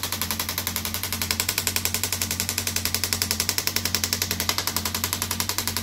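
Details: Shockwave therapy device applied to an armwrestler's raised triceps: rapid, regular mechanical tapping pulses at about 220 a minute; the patient says it feels like deep tapping on the bones.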